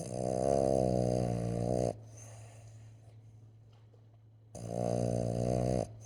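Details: Loud buzzing snores on each in-breath with quiet pauses between, from a sleeping Boston terrier, a short-nosed dog; snoring.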